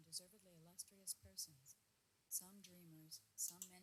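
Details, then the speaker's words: Simulation of severe right-ear reverse ski-slope mixed hearing loss: a faint, thin, much quieter female reading voice with hissy consonants, understandable only with concentration in quiet: simulated severe reverse ski-slope mixed hearing loss. "so if you're really concentrating and everything else is quiet you can make out what she's saying but it's very difficult"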